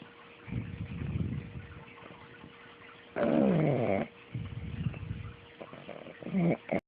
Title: Pug snoring